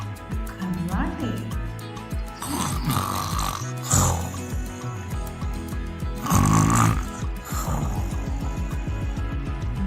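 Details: Rough, rattling snore breaths over background music, used as an example sound in a body-sounds vocabulary lesson; snoring.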